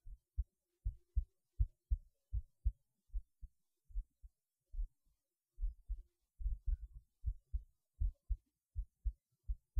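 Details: Heartbeat through a cheap acoustic stethoscope: soft, low paired thumps at about 80 a minute, slightly uneven in strength; ordinary heart sounds.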